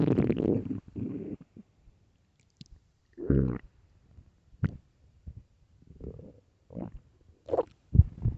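Irregular low gurgles and rumbles with short squeaks, separated by silence. Ordinary stomach growling.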